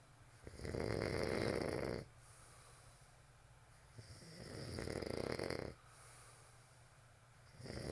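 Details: Snoring during sleep: loud, rattling snores on each breath, about every four seconds (roughly 15 breaths a minute), with quiet pauses between.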